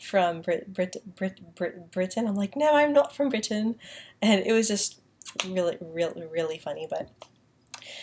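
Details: Woman with a self-described mild stutter that she says lessens when she uses a British accent, speaking in her normal accent; repetitions, stuttering.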